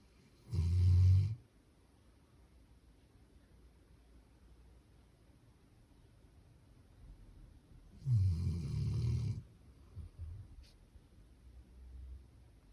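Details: Labrador dog snoring loudly in sleep after a walk: two loud, low rumbling snores about seven seconds apart, with quiet breathing between.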